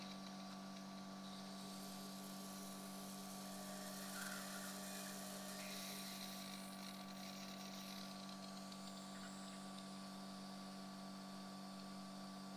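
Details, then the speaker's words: Simulated ear surgery on an artificial temporal bone model: steady high-pitched whine of a surgical otologic drill over low room hum, drilling near the facial nerve and chorda tympani to open the middle ear. "we have to change the drilling now so here now you can see the angle between the facial nerve down here and the chordae timpani up there"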